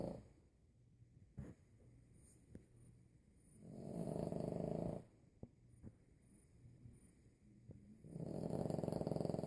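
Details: 25-pound Boston terrier snoring while asleep: loud, rattling snores about every four seconds, roughly 15 breaths a minute, with quiet pauses between.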